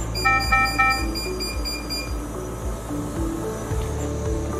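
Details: Noccarc V310 ICU ventilator demonstration: low tidal volume alarm sounding after the lower tidal volume alarm limit is set in the alarm profile.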